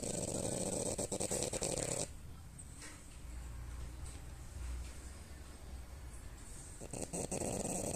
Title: French Bulldog Lady snores #dog #frenchbulldog #doglady #dogsnoring